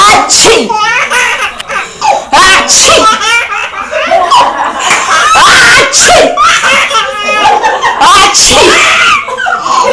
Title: Baby Laughs After Sneezing (Brazil)